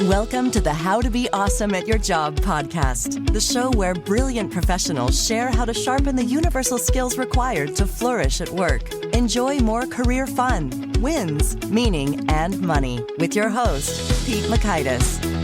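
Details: Adult male announcer; normal voice.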